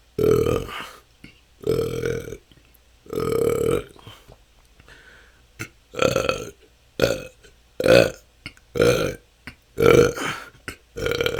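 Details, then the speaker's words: Person with excessive belching they say has lasted a couple of years and can go on for hours, feeling they have stored up gas: about ten loud burps in quick succession, some long and some short, with brief pauses. "that's 10 minutes this can go on for hours this has been my struggle for the last couple of years it seems like somehow didn't let out enough gas and have stored up so much that it just I have hours and hours of gas to let out"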